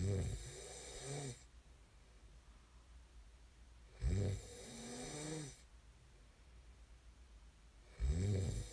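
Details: Snoring ASMR recording: loud, rattling snores on each breath in, about 15 breaths a minute, with quiet breathing out between them.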